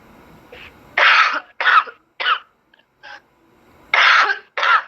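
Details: A woman seven months pregnant with a cough gives a run of about seven dry, harsh coughs in quick bursts, heard over a phone line.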